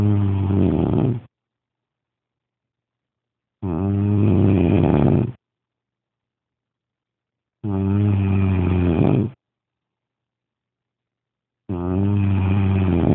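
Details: Man snoring after too much smoking and drinking: loud, deep rattling snores on each in-breath, about 15 a minute, with silent pauses between.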